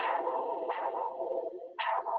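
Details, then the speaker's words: Doppler flow probe with gel over an adult's own radial artery: whooshing tone with rhythmic surges of normal pulsatile arterial flow, demonstrated for pet first aid and CPR teaching; Doppler pulse signal. "So what I'm doing is I'm going to get a little jelly on this Doppler flow probe, and then kind of get a finger pretty good amount of it so I can get it on my radial artery, and then listen."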